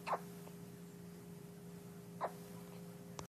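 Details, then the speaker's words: First-ever bout of hiccups: two brief, soft hiccup sounds about two seconds apart over a steady background hum. "with hiccups."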